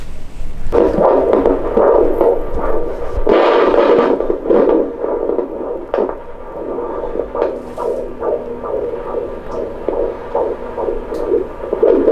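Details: Fetal heartbeat on Doppler during a routine prenatal visit in a first pregnancy, after initial difficulty detecting it: rapid, rhythmic whooshing pulses at about 136 beats a minute.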